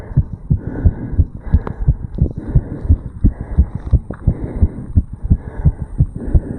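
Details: 35-year-old male, heartbeat recorded in the tricuspid valve area after jogging uphill (second recording): strong, quick, regular heartbeats, consistent with a normal faster heart rate after exercise.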